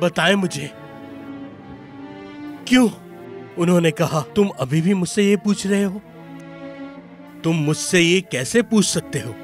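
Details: Adult male, acted dialogue; typical speech.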